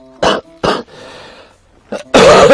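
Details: Adult man coughing during a live stream; he says he has pneumonia and has been wheezing since the previous day, wondering about asthma.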